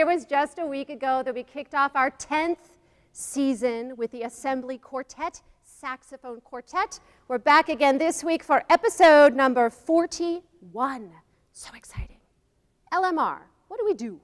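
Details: Adult woman speaking; Normal voice.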